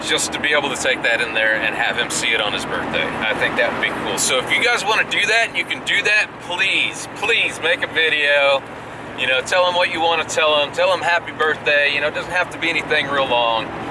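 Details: Adult male speaker; Normal speech.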